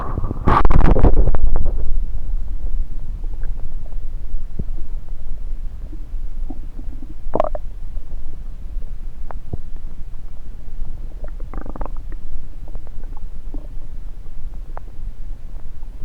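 Gurgles and short bubbling clicks over the belly after a loud scraping start; ordinary active bowel sounds, a normal finding.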